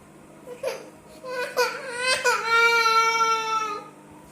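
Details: An infant cries, short whimpers building into a long, high-pitched wail, in a small room.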